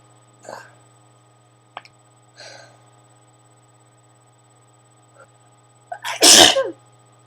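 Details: Person with allergies, itchy burning eyes and trouble breathing, sneezing repeatedly: soft sniffs and catches of breath building to one loud explosive sneeze, steady hum behind.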